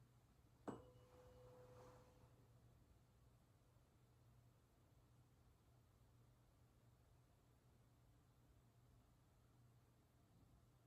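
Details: Tuning fork tone during a Rinne test, part of a head-to-toe assessment by a family nurse practitioner student.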